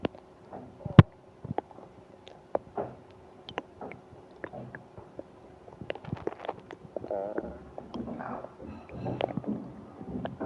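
Irregular low gurgles, squelches and rumbles with brief sharp pops over a quiet background; active bowel sounds, stomach rumbling during abdominal pain.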